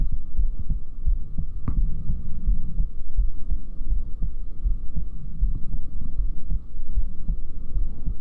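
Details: Heartbeat recorded up close in an ASMR recording: soft, regular low thumps under a steady hum, roughly 80 to 90 a minute. Heartbeat.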